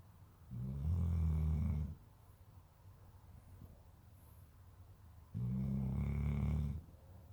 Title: Bubba snores